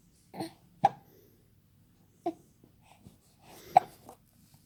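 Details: Hiccups in a 3-month-old baby boy: brief, sharp, irregularly spaced catches in a quiet room, each a short voiced hic.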